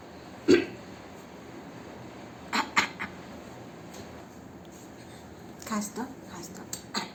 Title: 3 month old Baby trying to copy Grandma and coughing ❤️